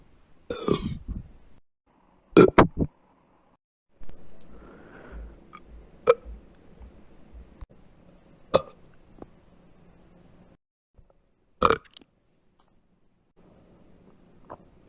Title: trans girl tries burping on command + some closed mouth burps